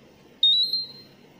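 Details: A Terumo infusion pump gives a single high-pitched alarm tone of about half a second over faint room noise, signalling air in the infusion line; infusion pump air-in-line alarm.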